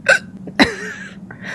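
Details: Female streamer hiccuping while reading a text aloud: two sudden, sharp voiced hiccups about half a second apart, the second with a short trailing sound.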